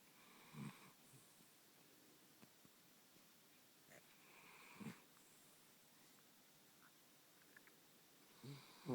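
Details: Sleeping chiweenie (small dog) snoring lightly: soft, irregular snorts and snuffles a few seconds apart in a quiet room.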